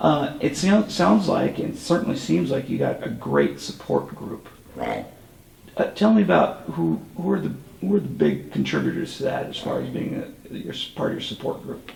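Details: Adult male interviewer; typical voice.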